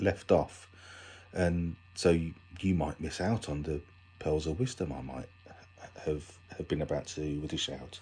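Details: Adult man with a stammer, recorded for International Stammering Awareness Day; stammering.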